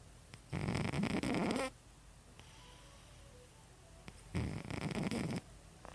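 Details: Male cat with flat-ish nose structure, seen by vet many times, snores sometimes: two loud, rough, rattling snores on inspiration with a quiet pause between.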